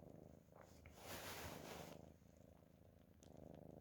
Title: Nice Cat Snoring 👍